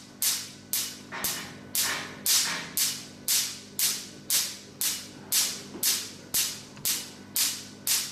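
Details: Sharp snapping pulses, about two per second, from a Q-switched Nd:YAG laser fired on a person's arm during a tattoo-removal treatment demonstration of the machine.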